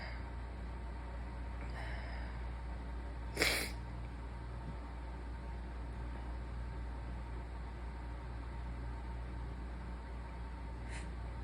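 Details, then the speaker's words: One short, muffled sneeze burst over steady room hum, with faint quieter puffs around it; deliberately stifled sneeze by a sick, seated person. "I am going to um stifle some of these as long as like it doesn't feel like my eardrums are going to explode or something because we don't want that"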